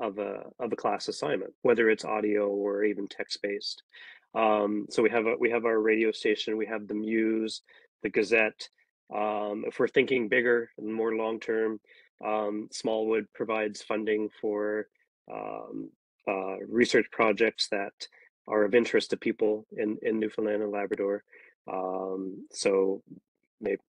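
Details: Adult male speaker; normal speech.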